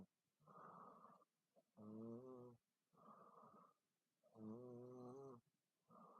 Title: Loud girl snoring 27th August 2017